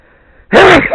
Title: Sneeze On Camera